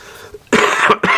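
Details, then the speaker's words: An adult with bronchitis and laryngitis gives two harsh, noisy cough bursts in quick succession after a quiet moment; cough. "you have to excuse my voice today I'm still battling my bronchitis and um some laryngitis as well"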